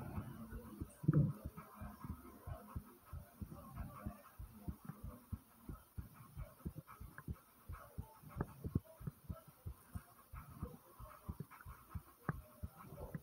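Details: Loud, fast, low heartbeat thumps right after walking up 5 flights of stairs, with stomach noises also present; a rapid heartbeat after exertion.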